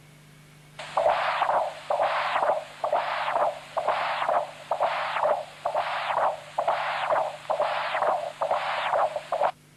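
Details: Continuous-wave Doppler, apical transducer, across the tricuspid valve in a patient with congenital severe tricuspid stenosis (valve area 0.9 cm², markedly enlarged right atrium); tricuspid regurgitation velocity 1.8 m/s; labelled severe tricuspid regurgitation.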